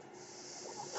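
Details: Podcaster's own ventilator during speech recording: steady breathy hiss of moving air swelling slightly over one second; mechanical ventilator noise.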